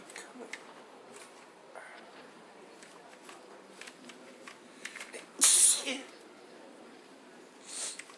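Sniffing and quiet breaths, then one loud explosive sneeze and a softer follow-up breath, in a small room.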